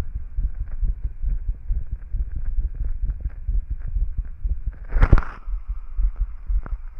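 Low, repeated heart thumps through a stethoscope, with a brief scraping burst of handling noise.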